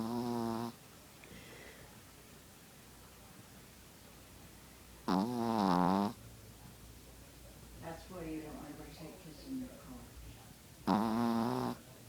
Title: Zoey's puppy snores